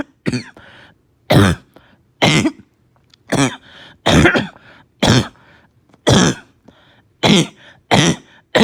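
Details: Child with a barking cough, slight fever, gagging and vomiting: about nine harsh, loud, barking coughs in a row, each followed by a short pause.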